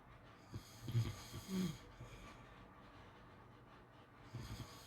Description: ASMR snoring sounds to sleep well